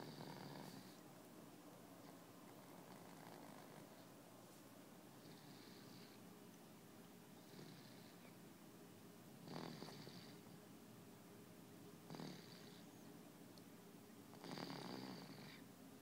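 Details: Quiet snoring during sleep: soft, rhythmic rasping breaths recurring every few seconds, with a purr-like quality.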